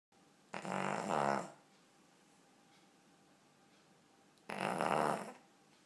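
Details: Ten-year-old Cavalier King Charles spaniel asleep: two loud, rattling snores about four seconds apart with quiet pauses between breaths; dog snoring.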